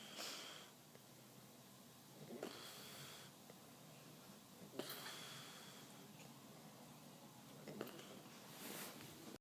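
Soft, breathy snoring with short snorting sounds, about four breaths in nine seconds, over steady room hiss.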